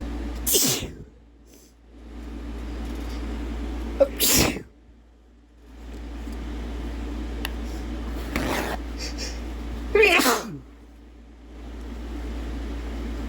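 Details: Male sneezing brought on by sneezing powder (chhinkni): four forceful sneezes over about thirteen seconds, separated by quiet room noise with a steady low hum.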